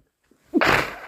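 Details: Deliberately induced allergy sneezes with nose blowing: a quick indrawn breath, then a loud explosive burst of air; a single forceful sneeze.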